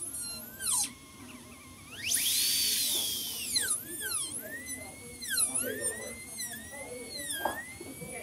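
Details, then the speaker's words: High-pitched whine of a dental handpiece rising and falling as the bur cuts an about 1 mm non-functional cusp bevel on tooth #14, full zirconia crown preparation with chamfer margin; handpiece cutting tooth. "so let's line our bur up and do"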